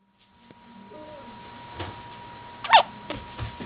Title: Has The Hiccups